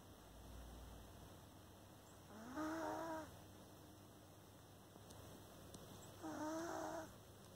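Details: Cat sleeping with its eyes open: two soft, whistling, tonal snores about four seconds apart, roughly 16 breaths a minute, over quiet room hiss; snoring.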